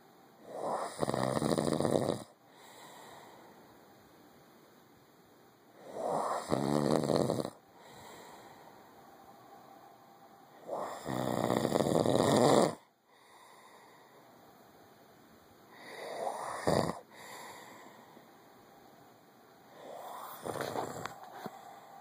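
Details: Loud, harsh, rattling snores on each in-breath, about 11 breaths a minute, with quiet pauses, from an adult man asleep, recorded at night on his wife's phone.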